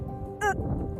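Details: Adult woman with Tourette syndrome since age seven, showing her own personal tic, which she says increases when she is nervous or under pressure; vocal (phonic) tic.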